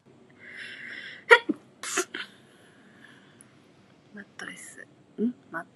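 Two or three sharp, high sneezes with brief voiced intakes and small vocal sounds between them.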